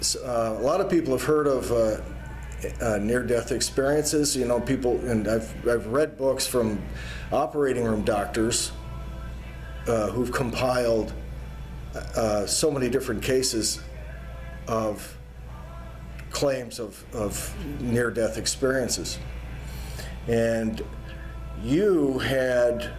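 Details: Adult male; no speech disorder.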